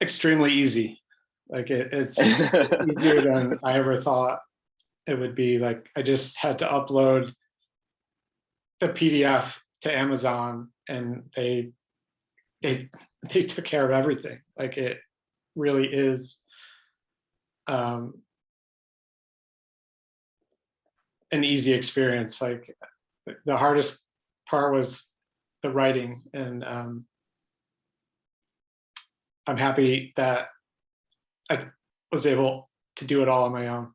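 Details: Adult man who stutters, with a pattern described as mostly blocks: stuttering.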